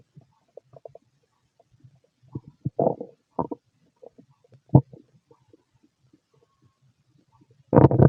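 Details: Bowel sounds (borborygmi).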